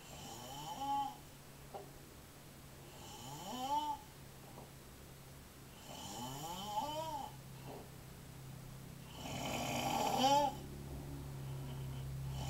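Loud rattling snores with rising, whistling tones, about four in twelve seconds, over a steady room hum.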